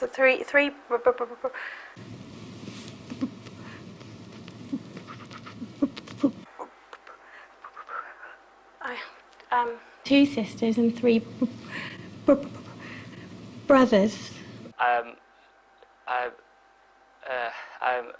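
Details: Stammering in an adult student on the first evening of the McGuire stammering course, recorded before learning the technique.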